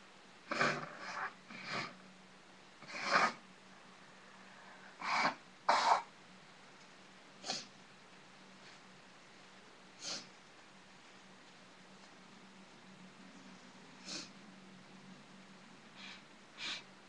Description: sneezing..used sneezing powder.. sneezed so hard my back hurts. Comment!